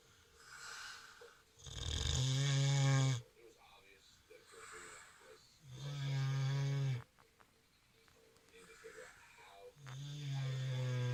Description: Our mini pig "Kinkku" snores when she sleeps.